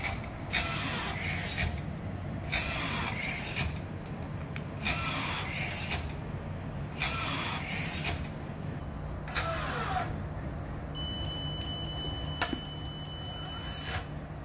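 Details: Florence emergency ventilator, a motor-driven cable-and-pulley device compressing a bag-valve-mask for volume-controlled ventilation: regular whooshing mechanical strokes about every two seconds.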